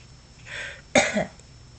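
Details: Single short cough with a quick second burst after a breath in, in a quiet room.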